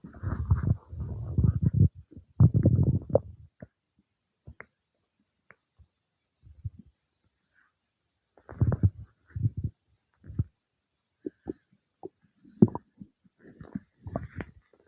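Bursts of low gurgling and rumbling with scattered pops and quiet pauses: ordinary bowel sounds of digestion after a meal.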